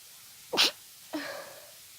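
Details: Adult with seasonal allergies, sneezing all day, during an intense sneezing fit: a single sharp, hissing sneeze burst followed by a short voiced exhale.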